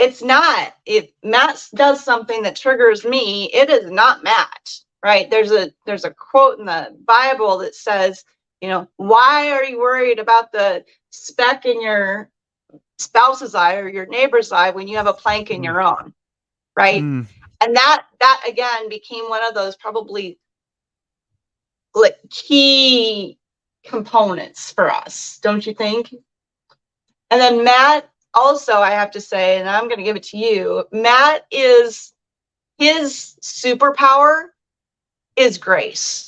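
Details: Adult woman speaking; normal speech.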